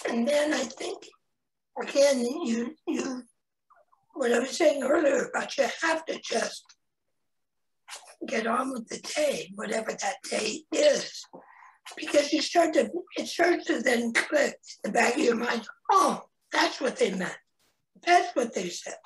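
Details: Real adult man, a head and neck cancer survivor, 25 years after a total laryngectomy in 1996 at age 41, with a primary tracheoesophageal puncture and secondary prosthesis placement, speaking amid poor wildfire air quality; tracheoesophageal speech.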